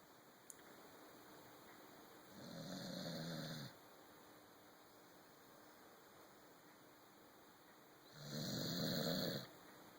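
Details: Corgi dog asleep on a sofa: two long, rough breathing noises about six seconds apart in a quiet room; dog snoring.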